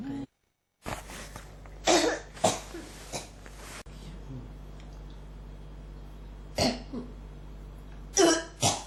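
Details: Persistent cough: repeated short dry coughs in bursts with pauses, about six to eight coughs, in a quiet room; the cougher says it really catches in the throat and won't quite come up.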